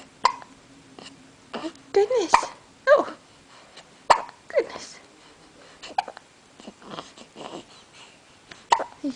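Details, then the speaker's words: Awake 3-week-old baby girl weighing 8 lb 12 oz, with frequent hiccups: repeated short, sharp hiccup jolts at irregular intervals with soft talk between; infant hiccups. "we have the hiccups again look at us and our cute little pink socks oh GLA oh dear yes do we have the hiccups again we're Wide Awake we have the hiccups yes we"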